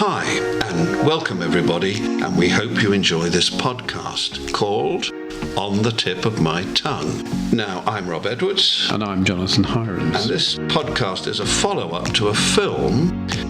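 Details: Two adult male speakers with background music; normal speech.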